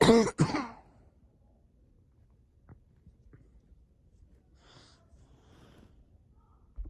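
Two quick, harsh cough bursts at the start, then near silence with faint breathing; a single short coughing bout.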